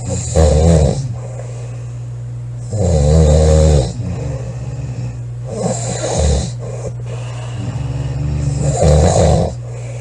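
Loud, rattling, low snores repeating about every two to three seconds, with quieter buzzing breaths between them.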